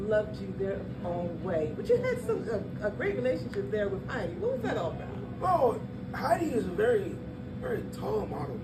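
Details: Adult speakers in conversation with background music; ordinary conversational speech.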